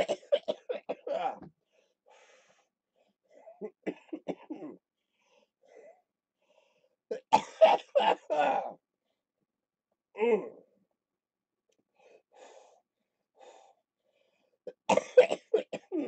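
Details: Repeated clusters of harsh, rapid coughing with quiet pauses during lower-lobe chest therapy for cystic fibrosis, with rattling in the chest; productive cough.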